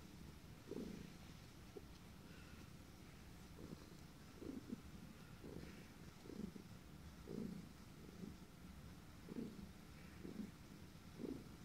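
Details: A cat purrs with a steady low purr broken by short, regular hiccup jolts about once a second.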